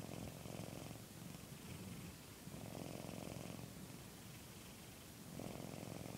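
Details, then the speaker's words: Loud, steady rasping purr-like snoring from a sleeping cat, rising and falling with each breath, like a failing car motor; she snores nightly in her owner's bed. "If you heard all of that, she sleeps in my bed every night, making those damn failing car motor sounds."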